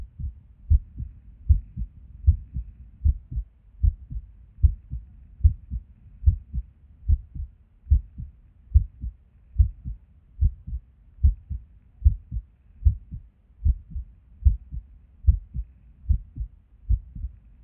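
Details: Irregular resting heartbeat with occasional skipped beats, recorded at Erb's point while sitting at a desk; heart sounds about 74 a minute with uneven spacing and occasional pauses. The skipping occurs with and without apparent reason.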